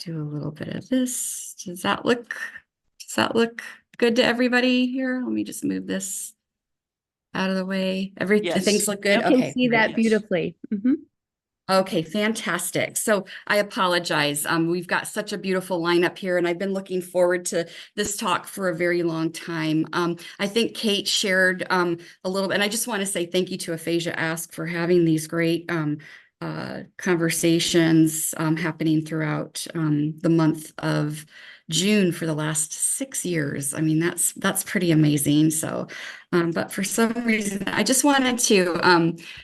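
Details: Adult woman speaking; normal speech.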